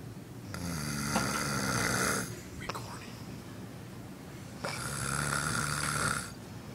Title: This is my bro snoring again